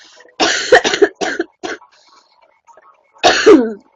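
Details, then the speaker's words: Young woman's cough she says is getting worse: a burst of about four harsh coughs, a pause, then one more loud cough. "Why is my cough getting worse?"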